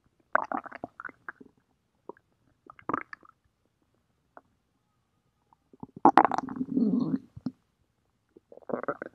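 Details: An adult's stomach growling: irregular gurgling and rumbling bursts with silent gaps; stomach growling (borborygmi).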